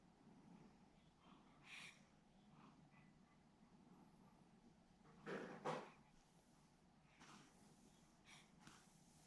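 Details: Little one described as having hiccups: quiet room with a few short nasal snorts and huffs, one louder pair in the middle; snorting.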